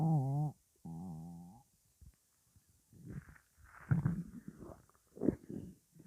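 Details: Two long, groaning tonal rumbles then softer gurgles, loud borborygmi from gas and fluid moving through the bowel; the person calls their stomach sounds weird.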